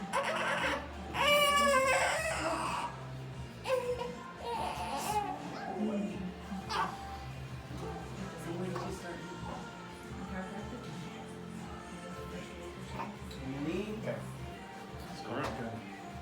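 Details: Newborn boy, constipated and not pooping, during a chiropractic adjustment: brief high-pitched wails fading to whimpers, with music and adult talk in the background.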